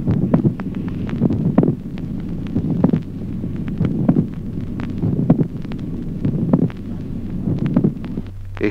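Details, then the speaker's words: Teaching example: slow regular heartbeat, about 48 a minute, with a notable resonant extra sound shortly before a dull second heart sound; late systolic click. "ejemplo octavo clic telesistólico el segundo ruido sordo es precedido a poca distancia por un notable ruido adicional resonante"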